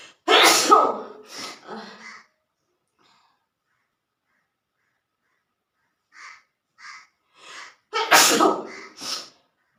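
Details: Two loud explosive sneezes, each preceded by quick catching inhalations, with soft gasps before the second; ordinary sneezing during a sneezing challenge using long grass, handkerchief and spicy cooking.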